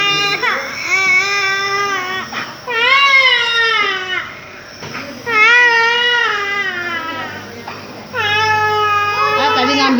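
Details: Small child with cough and cold receiving a nebulizer (steam) treatment: loud, sustained wailing cries in long bursts with brief catches of breath; an upset infant crying.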